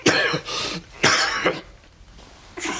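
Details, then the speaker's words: Acted cough in a Korean comedy skit that remakes a historical-drama scene: two short, harsh throat-clearing coughs with a voiced tail, then a third beginning. "누구인가? 지금 누가 기침 소리를 내었어?"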